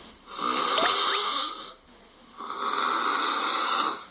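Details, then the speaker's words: Adult's self-recorded snoring; gained about 30 kg over two years, snoring worsened, struggles to breathe and tosses in sleep; described as severe snoring with breathing difficulty, possible sleep apnea. "숨소리에 따라 나타나는 증상은 천차만별인데요 하면서 이렇게 잘 느껴보면 코가 이렇게 떨리는 느낌이 있을 거예요 그건 코골이에요"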